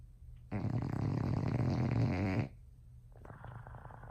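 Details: Bulldog (LouLou) sleeping in owners' bed; one long, loud, rumbling snore about two seconds, then quieter rough breathing; heavy snoring.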